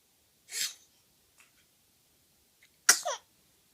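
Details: Baby sneezing: two small, sharp, hissy sneezes about two seconds apart, the second followed by a brief voiced catch.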